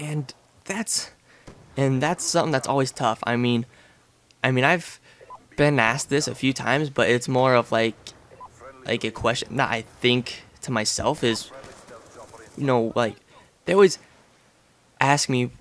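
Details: Real adult male with a lifelong stutter since about age six, now relatively mild after speech therapy, with a family history (grandfather, a grandfather's relative, a cousin); stuttering (mild)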